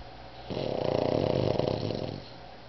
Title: Otis The Snoring Pug